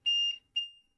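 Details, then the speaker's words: Two short, high-pitched electronic beeps, the second fading: LTV1200 ventilator alarm at the start of the circuit leak test, before the alarm is silenced. "Silence the alarm."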